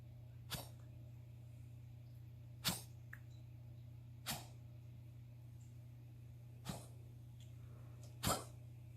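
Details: A dog with a repeated cough, unable to stop coughing: five short, sharp coughs spaced a couple of seconds apart over a steady low hum.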